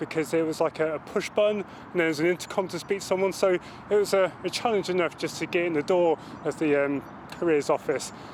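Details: Male serviceman who stammers, the only one in his military intake who stuttered, speaking in an interview; stammering.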